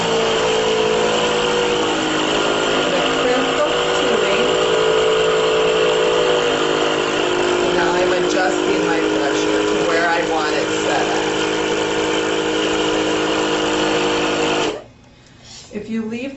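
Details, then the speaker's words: Steady motor hum with a rapid pulsing drone whose pitch shifts as the pressure knob is adjusted, then stops; a Vacu Aide portable suction unit for tracheal or oral suction, shown running in a setup demonstration. "so i'm going to turn the suction machine on and then i'm going to show you how to adjust the pressure"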